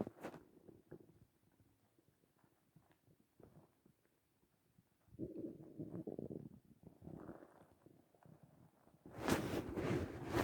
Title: My Hunger morning stomach growling